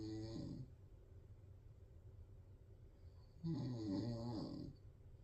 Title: the tiniest cat snores like a 50 year old man.